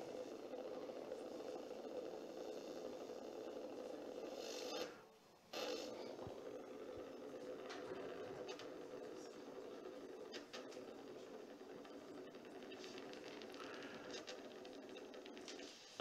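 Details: Early recruitment of motor unit potentials on needle EMG.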